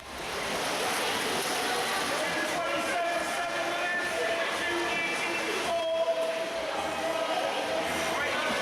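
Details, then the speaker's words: Athlete during hard exercise with exercise-induced laryngeal obstruction: high-pitched, noisy whooping on breathing in as the larynx closes, causing distress and limiting inspiratory airflow; inspiratory stridor. "so you can hear the noise that the individual is making when they're breathing in that is their larynx closing in as they're breathing in so that wheeze that noise is only the loudness closing in and that's causing distress up here"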